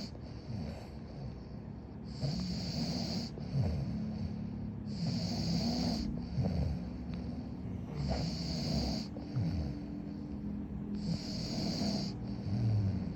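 Rough, rattling breathing noises repeat in cycles under a steady high tone in the background; snoring during sleep.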